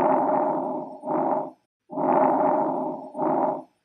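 Two soft, breezy breath cycles with a longer inhale fading into a shorter exhale: normal vesicular breath sounds over the lower airways.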